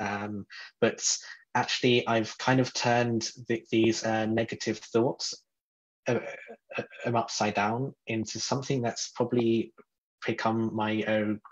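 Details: Adult man who describes himself as a person who stutters; stuttering.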